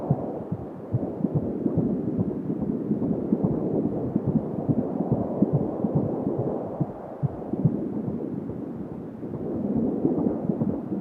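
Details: Fetal heart sounds at 16 weeks of pregnancy: rapid whooshing pulses of roughly 140 a minute under heavy rumbling Doppler noise, a normal fetal heartbeat.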